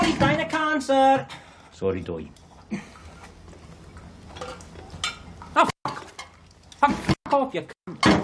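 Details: Acted portrayal: a male actor plays a real Tourette syndrome activist in a biopic film scene, with involuntary outbursts followed by apologies; vocal tics with coprolalia (Tourette syndrome).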